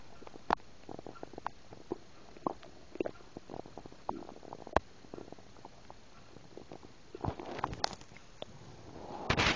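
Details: Stomach recorded while eating a burger and drinking soda, with swallowed air: frequent irregular gurgles, pops and clicks as food, air and fizzy drink move through; bowel sounds (borborygmi).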